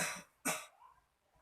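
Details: Nursing student pre-operative role-play teaching an adult male patient deep breathing and effective cough: forceful breath out after deep breath on count of three, then a single sharp cough to clear phlegm; simulated effective cough technique.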